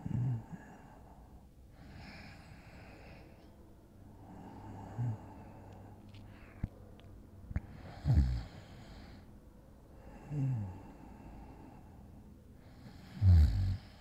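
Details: Soft irregular snorting snores and breaths, about twelve a minute, in a quiet room; acted light snoring in a simulated falling-asleep-next-to-boyfriend roleplay; snoring.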